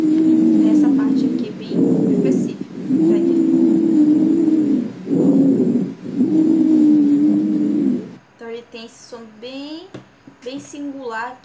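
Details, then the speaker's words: Wheezes: musical, whistling, high-pitched tones running through repeated breaths, from airway narrowing, demonstrated during respiratory assessment; distinguished from lower-pitched rhonchi. "quando eu falo do ronco esse bilu ele é mais agudo então é bem fácil identificar devido a singularidade dele"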